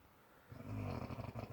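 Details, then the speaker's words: Sleeping baby snoring: a single low, rattling snore on a breath in. "Maybe you wake yourself up snoring. Darling? Darling? You're snoring."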